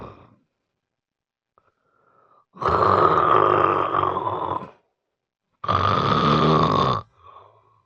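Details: Two very loud, harsh rattling snores separated by short quiet gaps in a person with severe obstructive sleep apnea.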